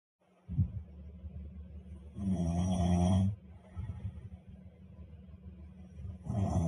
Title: snoring